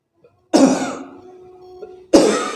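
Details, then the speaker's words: Voluntary cough done as hard as possible after self-therapy to clear mucus for a tickly cough: pulling the neck muscles with a sarong cloth, then bowing the head forward. "tarik atau dorong menunduk kepala kemudian batuk sekuat-kuatnya"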